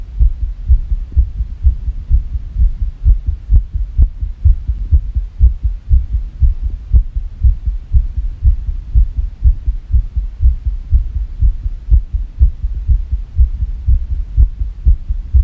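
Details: Fast irregular heartbeat, deep muffled beats about 120 per minute with somewhat uneven spacing; labeled as sick.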